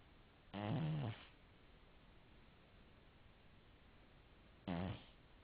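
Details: A cat snoring, recorded on a mobile phone.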